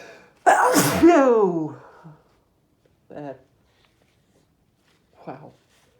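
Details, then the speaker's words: Adult male sneezing after deliberately sniffing a strong irritant powder, with a burning nose: one loud, forceful sneeze with a drawn-out voiced release, followed by two short vocal sounds. "Talking actually helped that sneeze come out right there. Oh, wow. Wow. I'm gonna sneeze again, I think."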